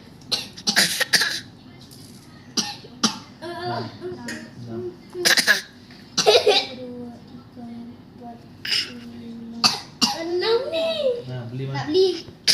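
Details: A child gives a series of short, sharp coughs mixed with voiced sounds and throat clearing.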